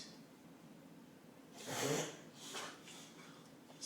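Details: White Boxer dog having reverse sneezing episodes over a week or two, later given a clean bill of health by a vet; owner suspects mucus or an upper respiratory infection: a loud nasal snort followed by weaker snorting breaths.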